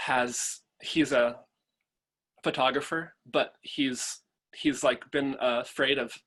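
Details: Adult male, a father, who stutters and chooses to stutter openly; real stuttering.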